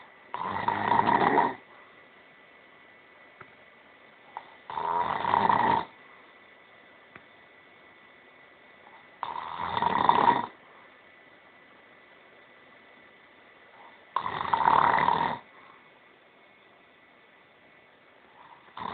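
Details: Snoring: four loud rasping snores about every 4.5 seconds, roughly 13 breaths a minute, with quiet pauses between them.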